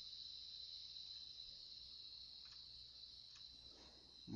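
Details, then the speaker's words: Steady high-pitched, cricket-like ringing hiss played by an online tinnitus evaluation tool while matching loudness to one's own tinnitus: simulated tinnitus sound. "again we're going to adjust the volume until it matches the sound that we the volume we here in our tinnitus"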